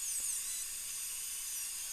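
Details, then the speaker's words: Crown preparation of upper molar (tooth #2), rubber dam in place: high-pitched steady whine of the drill notching the tooth where the core buildup material will go; dental drill. "I'm gu going to notch about where I want to be with my prep so my core buildup material will go to that Notch so I'm just going to notch it"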